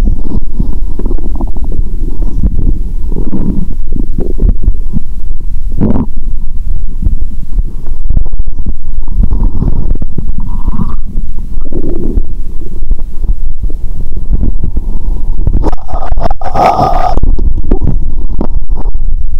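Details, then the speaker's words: Bowel sounds (borborygmi) heard by stethoscope after drinking cola with Mentos: loud, continuous low watery gurgling and rumbling with brief higher squeaks; stomach sounds audible even near the heart. "Tôi nghe thấy tiếng nước 💧 ♪. Bạn có thể nghe thấy âm thanh của dạ dày ngay cả khi ở gần tim."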